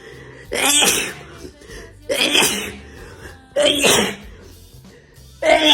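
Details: Young woman self-administering a Covid-19 nasal swab test sneezes uncontrollably: four loud, explosive sneezes in quick succession, each preceded by a sharp intake, over faint background music; repeated sneezing.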